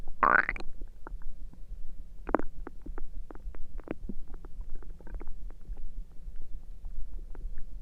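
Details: Stomach noises recorded through the night: irregular low gurgles and pops with a louder burst at the start; ordinary stomach rumbling from gas and fluid moving through the gut.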